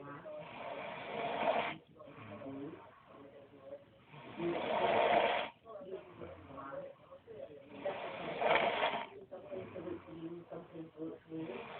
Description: Ma Big Bro Snorrin :-" Aha x He Hinks Eh Doesny Tae :))